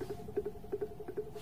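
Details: Soft, regular mechanical ticking of a Harvard Apparatus Pump 11 Plus precision syringe pump motor stepping during infusion toward a 10 ml target volume, with faint room noise; syringe pump running.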